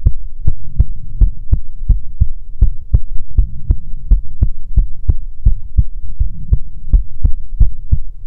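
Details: ASMR heartbeat recording: steady, regular, deep heart thumps at about 145 a minute over a low constant hum.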